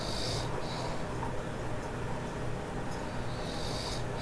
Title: Loud Snore 54